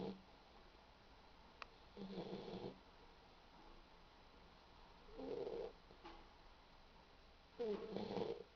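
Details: Boxer dog snoring while asleep and dreaming: three rough, rumbling breaths about every two and a half seconds over a quiet room hiss.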